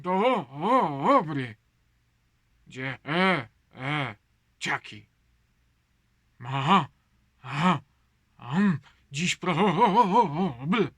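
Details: Imitated stuttering, acted by a father reading a Polish children's poem about a stuttering character; not a real speech disorder.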